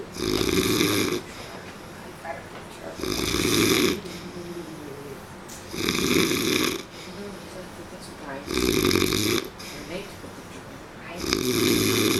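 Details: Loud, rasping snores in a steady rhythm, about 22 breaths a minute, with quieter breathing out between them; snoring.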